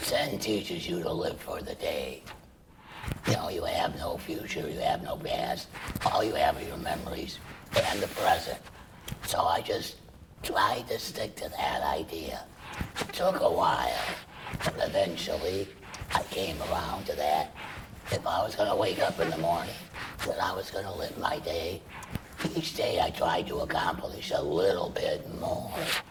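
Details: Adult man treated for laryngeal cancer with chemoradiation and then total laryngectomy, speaking through a tracheoesophageal puncture voice prosthesis that vibrates the esophagus. Tracheoesophageal (alaryngeal) speech.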